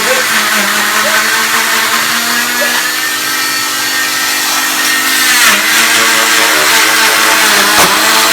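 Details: Oscillating cast saw cutting a girl's leg cast: steady high buzzing whine with grinding, pitch dipping as the blade bites; the blade vibrates rather than rotates.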